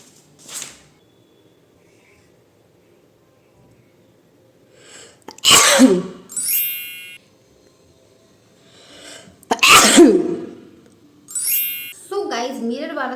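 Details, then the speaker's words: Two forceful sneezes, each with an in-breath before it, and brief background music, during a sneezing challenge, with burning in the nose and around the mouth; sneeze. "14 times तो sneeze आ चुका है अब बस एक times जल्दी जल्दी आ जाए फिर मेरा य चैलेंज कंप्लीट हो जाएगा"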